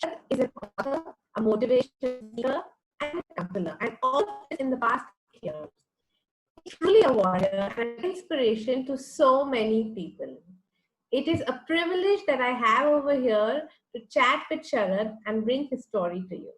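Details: Adult woman speaking; normal speech.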